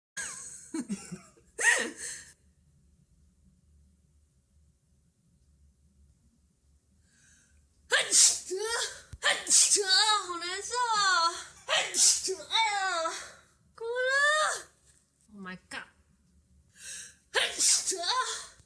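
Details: Young Taiwanese woman sneezing as a nasal swab is taken for a rapid antigen test: a sharp sneeze burst, a long quiet gap, then strained, high-pitched crying moans; induced sneeze followed by distressed crying.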